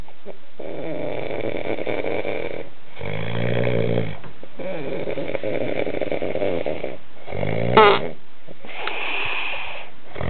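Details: Adult man snoring: loud, rough, rattling snores repeating with each breath, separated by brief pauses, in a quiet room.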